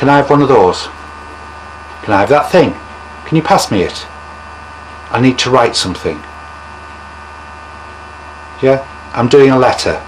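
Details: Acted demonstration of covert stuttering: speech sounds fluent while the speaker talks around a word he expects to stutter on, avoidance described as more severe than audible repetitions; covert stuttering (word avoidance).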